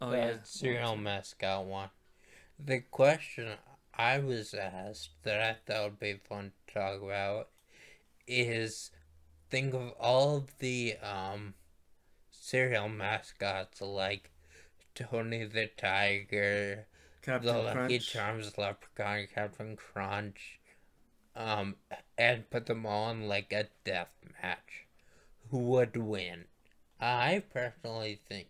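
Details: Male stroke survivor who attributes his voice to the stroke and mentions past brain surgery for a brain tumor; dysarthria after stroke.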